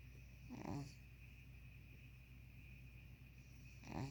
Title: Cat's snoring sounds like purring